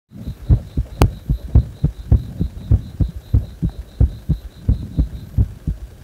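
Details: Heart still beating fast even after release from compression: fast, thumping heartbeat at roughly 200 a minute, with a steady low hum and a faint ticking beep behind; tachycardia.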